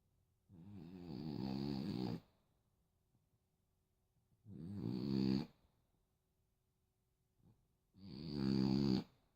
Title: Snoring away